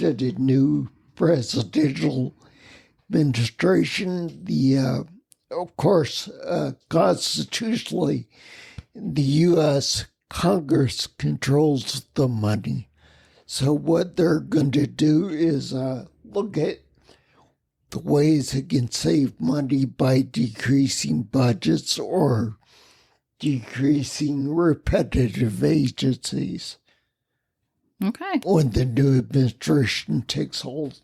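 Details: Ataxic dysarthria in a man with spinocerebellar ataxia, a rare neuromuscular disease that has also caused mobility challenges and noise-induced anxiety; he has lived with these disabilities for over 20 years.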